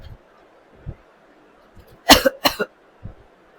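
An adult woman gives a short double cough with a throat clear, from a strained throat after long talking.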